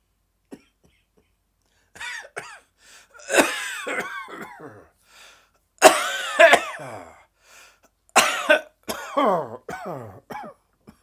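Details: Adult dry, tickly coughing fit that came on suddenly in the afternoon: a run of harsh, dry, unproductive coughs and throat clearing with brief pauses between bursts.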